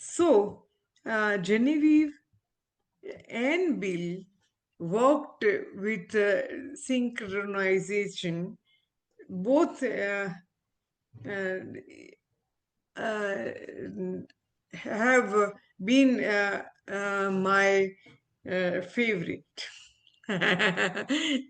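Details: Adult woman, former ophthalmologist, with aphasia after a stroke, still recovering speech; real patient; aphasia.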